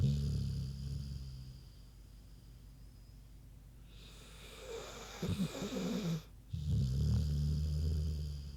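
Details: Low rumbling snorting breaths fading then returning with a snuffly burst over steady room noise, from Queenie, a big pig, sleeping; snoring.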